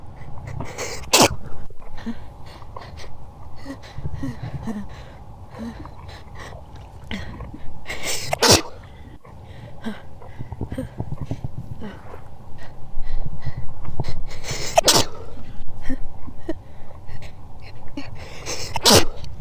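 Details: Repeated sneezes, each preceded by a brief build-up, in sped-up playback with added sound-effect stomach growling.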